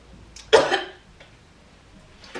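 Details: One forceful cough with a brief throat-clearing tail in a quiet room; a faked cough in a prank on a husband, pretending to cough up blood.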